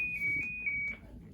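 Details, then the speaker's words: A steady high-pitched electronic alarm tone lasting about a second; the demonstrated siren alarm of a LifeVest wearable defibrillator, which grows louder to wake a sleeping wearer. "it's uh gets louder and louder and louder. So, if you're sleeping, it's going to be really loud to wake you up."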